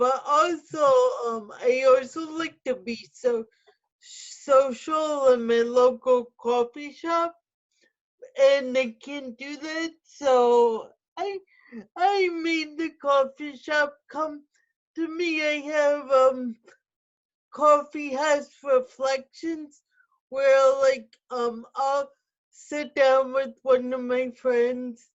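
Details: Adult woman with spastic quadriplegic cerebral palsy who uses a wheelchair; no specific speech disorder is named; speech in adult cerebral palsy.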